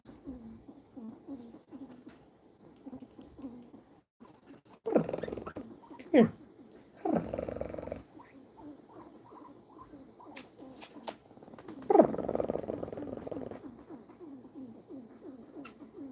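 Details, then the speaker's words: Guinea pig on her gotcha day making soft, rapid, snuffly rattling noises with each breath, judged to come from the nose rather than the lungs; upper-airway nasal breathing noise. "So, she's making this. And that sound is not in her lungs. It's like in her nose."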